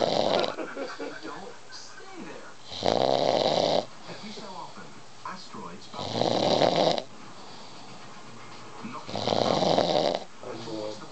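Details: Adult man, who supposedly never snores, asleep: three loud, rough snores about every three seconds, with quieter breathing sounds between them; snoring.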